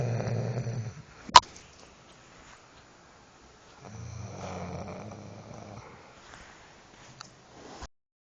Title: the best snoring ever part III.mp4